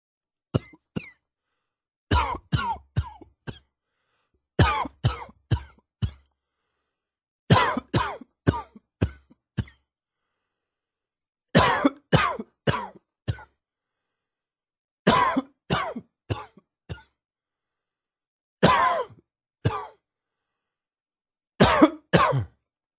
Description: A little morning cough....just getting my lungs to wake up :)